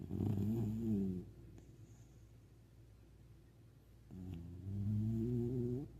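Two loud, low rumbling snores separated by a quieter pause; a sleeping puppy snoring.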